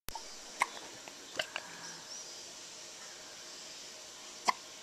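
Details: A few sudden, sharp clicking hiccups at irregular intervals in a quiet room.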